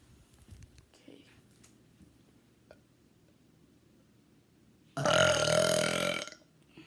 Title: Burping once more